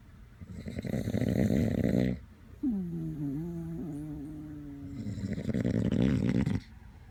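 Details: A dachshund snoring alongside its owner: two loud, rattling snores with a squeaky, whistling sound between them on the out-breath.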